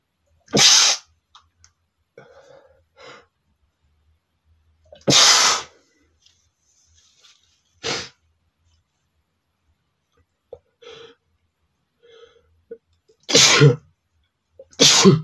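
Five sharp, noisy sneeze bursts with quiet breaths and small sounds between them; the sneezes are fairly mild.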